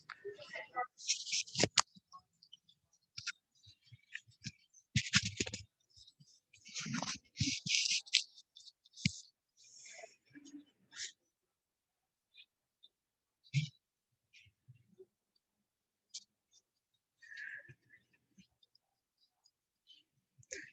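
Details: Hypophonia (soft voice) in a woman with Parkinson's disease, recorded before LSVT BIG and LOUD therapy. She could hardly be heard and felt she was stuttering.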